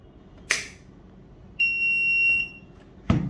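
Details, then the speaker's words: Philips HeartStart FRx AED in a training demonstration, just after the battery is inserted and the connector attached: a click, a steady high beep of about a second, then a clunk. This is the tone as the self-test begins. "Beginning self-test. If this is an emergency, press the green on-off button."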